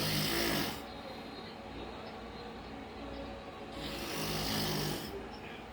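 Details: Loud, heavy snoring: a rattling snore on the in-breath, a quieter pause, then a second snore begins.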